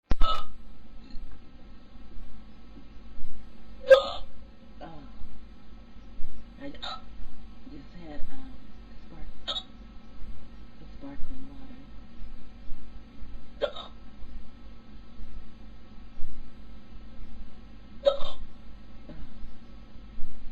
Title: Hiccups(audio only)